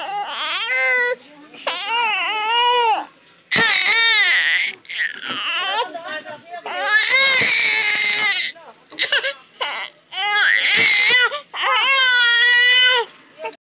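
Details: Newborn baby girl crying: loud, high-pitched cries in repeated bursts with brief pauses for breath between them.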